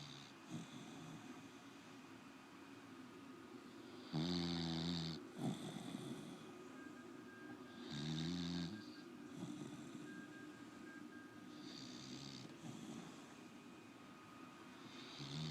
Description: Dog snoring